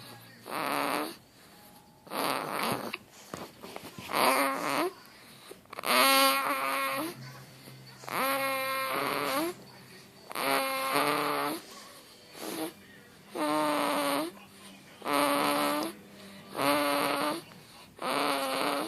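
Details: 2-month-old baby boy: regular noisy breaths with a squeaky, voiced rattle on each cycle about every two seconds, said to snore louder than his dad; loud infant snoring.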